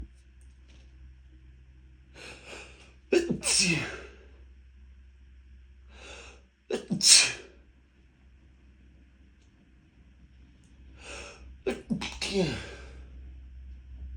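Three sneezes in quick succession, each preceded by a sharp intake of breath, with a quiet room between them; a sneezing fit.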